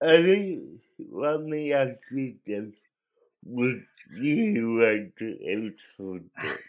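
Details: Dysarthric speech in an adult male with cerebral palsy, which he believes was caused by a drug overdose; the condition affected his voice, and he cannot walk and has muscle spasms.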